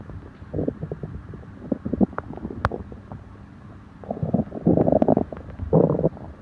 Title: Stomach upset after eating (stomach growling)